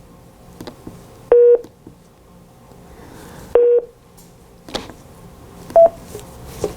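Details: Portable Philips cardiac monitor on a live patient monitored in lead II, sinus rhythm, in an emergency ambulance service demonstration; cardiac monitor beeps.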